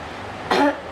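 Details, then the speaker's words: Acted pharmacy role-play: a 23-year-old woman who reports cough since yesterday, with cough, cold and feeling feverish for 3 days, gives one brief voiced cough close to a throat clear, against room noise. "Iya nih Mbak, saya lagi batuk dari kemarin."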